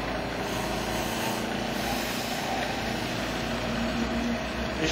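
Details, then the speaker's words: Suction machine set up and demonstrated by drawing water through the patient-end tubing to check it works. A steady loud hissing roar shows good suction. "can see everything is working properly we're getting good suction"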